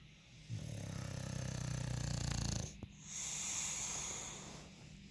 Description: Monty is a bulldog that loves to sleep and snore loudly, but he's so cute!